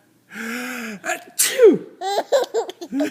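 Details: Father's fake (simulated) sneeze: a drawn-out voiced inhale, then a sharp sneeze burst and a laugh-like voiced tail; a single sneeze that makes the baby laugh.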